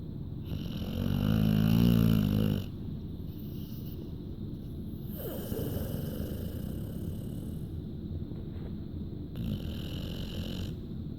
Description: American bulldog Groucho Barx snoring